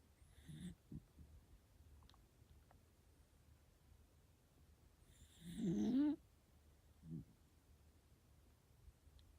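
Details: A sleeping miniature dachshund snoring loudly like a human: a few soft snorts and one louder, rough, rising snore, with long quiet gaps between breaths.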